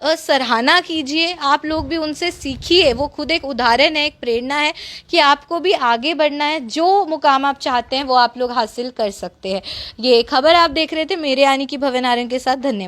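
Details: Adult woman speaking Hindi; normal speech.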